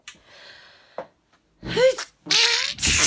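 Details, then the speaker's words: A sharp inward catch is followed by explosive sneeze bursts in quick succession, about three in under two seconds. Sneezing. "i had a really bad sneezing fit before that sort of quickly go and find it"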